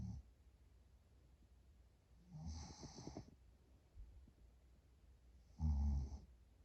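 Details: Adult napping while more tired than usual, snoring louder: two loud rattling snores with quiet breathing between, in a quiet room; heavy snoring during sleep.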